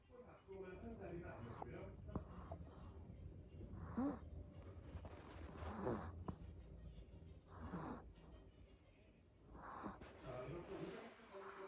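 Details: Sleeping puppy: soft, rhythmic snoring about 30 breaths a minute over steady room noise; snoring.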